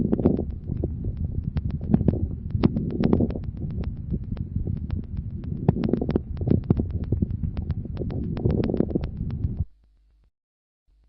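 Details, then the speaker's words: Teaching recording of lung auscultation: scattered brief crackles mid-inspiration, sparing its start and end, reflecting bronchial secretions, varying between cycles, often with a few expiratory crackles: mid-inspiratory crackles. "Ils prédominent au milieu de l'inspiration et respectent le début et la fin de l'inspiration. Ils traduisent l'existence de sécrétions bronchiques, d'où leur caractère variable d'un cycle à l'autre et leur association fréquente à quelques crépitants expiratoires."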